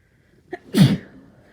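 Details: Forceful, unstifled, non-induced sneeze from a person with a cold: a quick inward catch of breath, then one loud, explosive sneeze.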